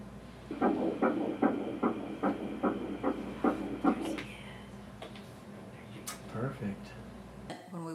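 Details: Rapid, regular whooshing pulses of a fetal heartbeat on ultrasound in an IVF pregnancy, about 150 per minute, then fading into room noise.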